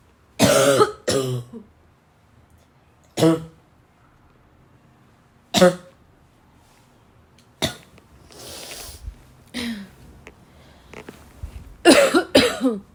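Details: Repeated harsh, dry, barking coughs from a girl with throat clearing, about eight bursts, with a breathy sniff between; barking cough.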